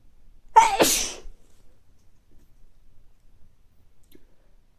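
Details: Adult with recurring mild colds, not very stuffy but sneezy: a brief in-breath, then a single loud sneeze, then quiet; sneeze with a common cold.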